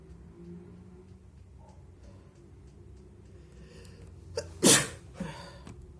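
A quiet stretch, a short indrawn breath, then one loud, wet, explosive sneeze and a brief follow-up exhale.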